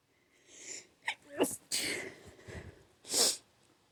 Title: 8 sneezes